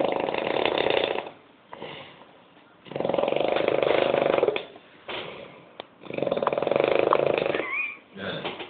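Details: Loud, harsh, rattling snoring from a sleeping man, one snore about every three seconds on each breath in, with quieter breaths out between them.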